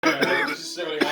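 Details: An adult gives two short, harsh cough bursts after smoking cannabis from a bowl, over steady background music: cough.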